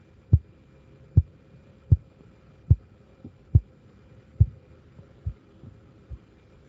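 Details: Sharp regular taps at about 70 a minute that fade and drop out as a blood pressure cuff deflates, from a recording played in a first-aid class; students place the first sound around 130–140 mmHg; Korotkoff sounds.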